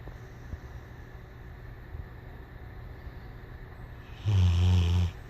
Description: My dog dreams and snores more than I do.